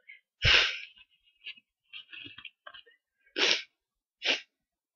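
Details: Three sharp, hissing, stubborn repeated sneezes, the first loudest, separated by sniffs and small nasal noises in a quiet room.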